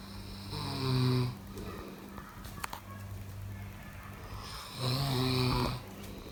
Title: Snoring sound ll good sleep